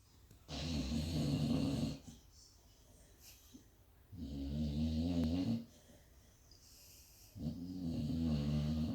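Loud, deep, rumbling snores on each breath, about 16 a minute, with quieter exhales between; dog snoring.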